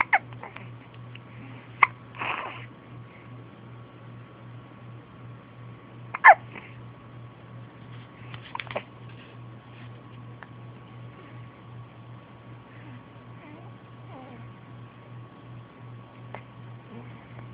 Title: Hiccups!